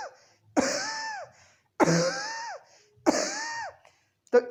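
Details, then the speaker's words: An adult's imitation of a completely dry cough with no phlegm or moisture: three dry coughs with whistling wheezy tones and no wet or rattling sound. "कफ, बलगम बिल्कुल एब्सेंट रहेगा, मॉइस्चर बिल्कुल एब्सेंट रहेगा, खांसी बिल्कुल ड्राई होगी, केवल व्हीजिंग साउंड आएगी।"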